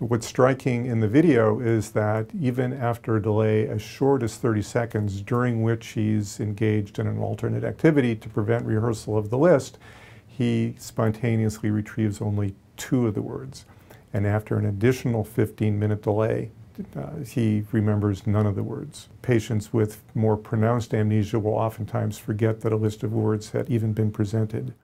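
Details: Adult male narrator; normal speech.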